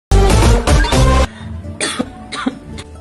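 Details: Acted persistent cough lasting more than two weeks, possibly tuberculosis: an adult gives a run of about three harsh coughs, then softer throat sounds, with faint background music.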